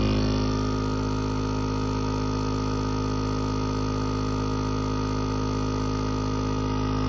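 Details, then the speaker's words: Penguin pediatric compressor nebulizer switched on, no patient: steady loud motor hum with a rapid buzzing pulse, air flowing up to produce the mist. "what it sounds like i mean it is a little loud and like i said the air just comes right up through here and of course when you have whatever you need to have in here it just creates a steam and then the steam just comes out here"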